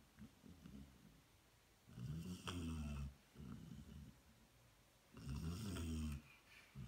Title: Snoring Loudly